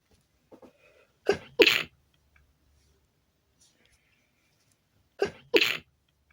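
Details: Repeated sneezes induced with chhinkni (sneezing) powder, stifled and loud: a soft stifled breath, two forceful sneezes, then after a pause two more loud sneezes in quick succession; sneezing attack.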